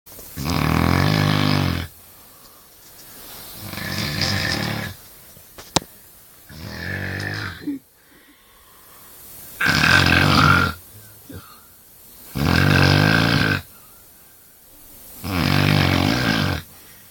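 Loud, deep, rumbling snores with quieter breaths between them, about 20 breaths a minute; heavy snoring.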